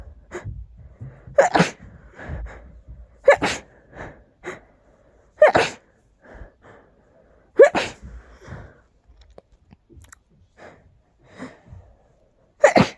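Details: Five loud, explosive, strong tickly sneezes over about thirteen seconds, each a sharp burst with quieter breaths between them.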